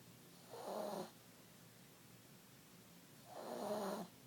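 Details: Sleeping cat: two soft, rough, low rattling breaths about three seconds apart; gentle snoring.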